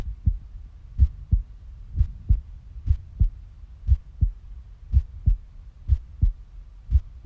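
Strong, regular low double thumps at roughly 95 beats a minute; a steady heartbeat.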